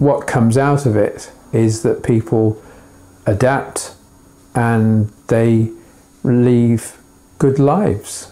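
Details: Adult man describing his own aphasia, including being unable to write words such as "elephant" and struggling through each word while writing; aphasia.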